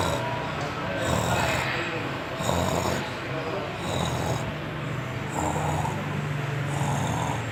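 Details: Snoring from a sleeping cat: soft, irregular rumbling snores, about 40 a minute, under some background noise.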